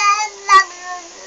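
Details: 7-month-old baby crying, suspected hungry: a brief, high-pitched, steady infant wail, a fussy cry.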